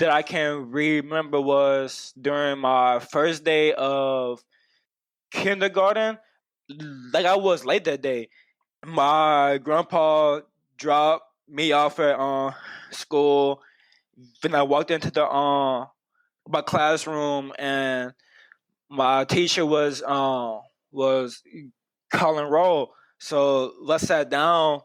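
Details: Adult man who has stuttered as long as he can remember, with speech therapy from first year of school through senior year of high school, using word elongation as his main fluency technique; stuttering.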